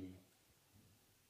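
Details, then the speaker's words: Normal vocal resonance with no egophony: auscultation of the chest while a male patient says a drawn-out "e", which sounds more distinct at the top and more muffled toward the bottom. "with the agophony it is normal that again the e sound is more distinct on the top and then less distinct towards the bottom because again we have the bigger branching off into the smaller Airways here so the sound gets more muffled and more indistinct"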